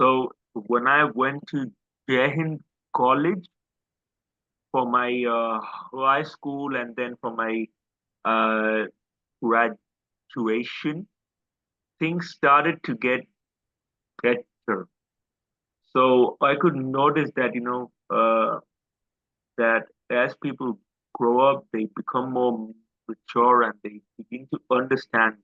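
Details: Adult male who stammers, describing his own stammer as quite severe: stuttering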